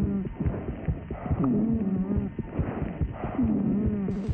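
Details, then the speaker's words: Overnight acoustic wheeze monitoring at a hospital sleep laboratory of a woman with severe acute asthma since her teens, woken several times nightly: sleeping breaths with a low, musical whistling wheeze; nocturnal asthma. "asthma is monitored overnight at the Royal Melbourne hospital she's had severe acute asthma since she was a teenager nighttime is often the worst I would wake up about four or five times over and this is what wakes her"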